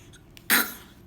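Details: Simulated sneeze by a young child imitating their mother: a single short, harsh burst of air through the throat, cough-like or like a throat clear, against a quiet background.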